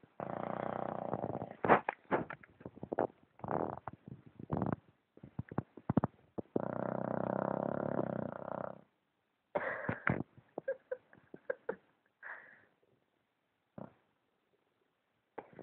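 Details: Sleeping dog: irregular low rattling and fluttering breath noises in long and short bursts with pauses; snoring.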